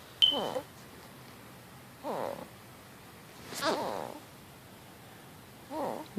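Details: Inspiratory stridor in a 4.5-month-old baby girl, with mild chest retractions but no signs of respiratory distress: repeated harsh, musical, crowing noises with each breath in.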